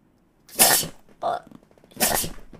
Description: Catching yourself having a sneezing fit on stream can be a wet sneeze face adventure.